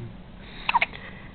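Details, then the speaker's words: Brief, soft hiccup with a small catch of breath from a one-day-old newborn girl sitting in her father's lap in a quiet room; newborn hiccups. "emily hey you got the hiccups emily you got little baby hiccups look at your mama"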